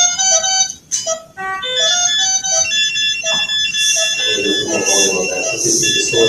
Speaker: every time Gabriel went to fall asleep we would preach and Trigger the cardiac alarm which would obviously make a noise and wake him up